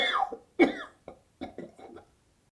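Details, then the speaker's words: Acted demonstration of the full huff cough sequence for home sputum collection: breathy open-throat huffs followed by a few short coughs to bring up sputum. "Now let's watch the full Huffov sequence one more time."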